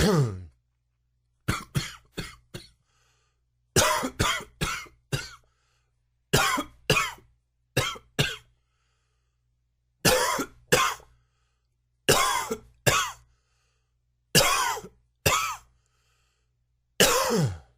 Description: New coughing fit.